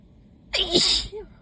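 A single loud, sharp sneeze with a hissing burst and brief voiced tail; an allergic sneeze.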